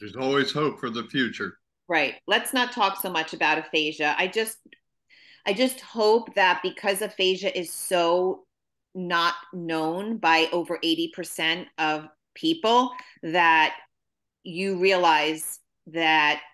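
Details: Adult woman speaking; typical speech.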